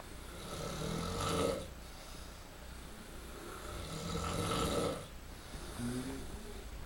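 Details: Man snoring loudly in a shared room of a Korean farm home while another tries to sleep on the floor; slow, rasping snores on each breath, about two every seven seconds, over steady room noise: snoring.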